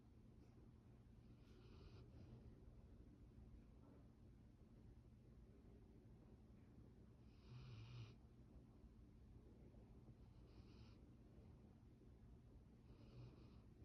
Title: Deep sleep sound up for snoring #puppy #doggielife #labrador #pets #puppy